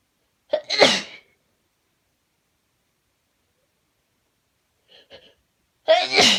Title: Some sneezes, sniffles and a bit of nose blowing (sorry it's short I've got revision to get back to)